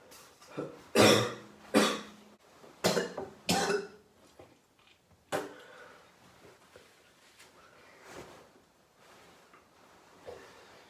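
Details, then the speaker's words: Adult sick about three days, possibly with COVID (unconfirmed), deliberately coughing up mucus: a fit of about five harsh, wet coughs, then quieter throat sounds; productive cough. "to go cough the rest of it up. And I just have a feeling that it is the rest of it. Although it might not be, because I might just be making mucus all the time, basically."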